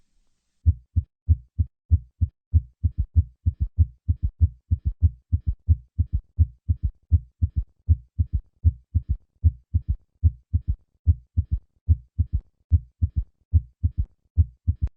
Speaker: Listen as the heart rate of a patient with a summation gallop decreases to reveal an underlying third heart sound.